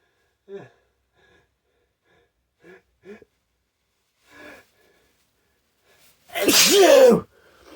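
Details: Several short catching inhalations as a tickle in the nose builds ("I think I'm gonna... Ahhh"), then one loud explosive sneeze: sneeze with preceding gasps.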